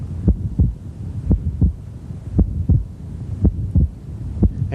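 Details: Regular heartbeat near 57 a minute with a fixed split second sound and short mid-systolic murmur of atrial septal defect; music starts at end.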